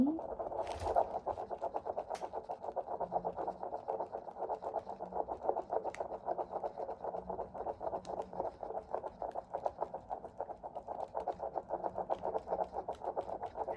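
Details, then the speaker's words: Simulated OB-GYN role-play prenatal visit at 16 (or 18) weeks of pregnancy: a handheld Doppler picks up rapid, regular whooshing fetal heartbeat, about 160 a minute, described as averaging in the 160s and normal. "Sometimes it takes a little bit to find baby's heartbeat because it could be yours. Our heartbeat tends to run much slower than baby's. That's how we can tell the difference."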